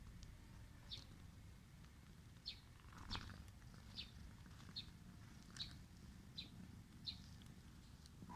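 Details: Cat that always has a nasal cold; low steady purring with repeated short wet sniffles and one louder snort-like burst, nasal congestion with snuffling breathing.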